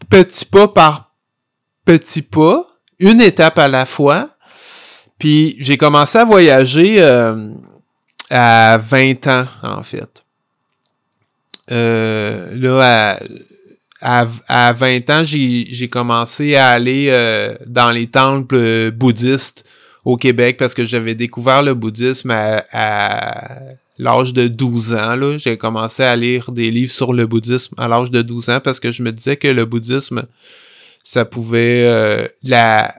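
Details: Stuttering in an adult French-speaking man; real, developmental stuttering.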